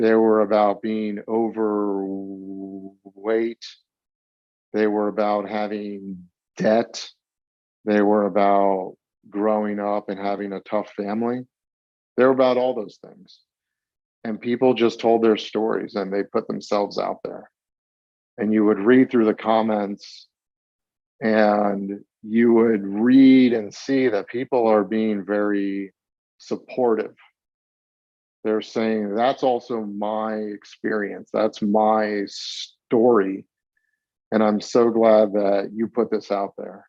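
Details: Stuttering in a 42-year-old man, with onset around age eight, school-age speech therapy, and a formerly covert stutter.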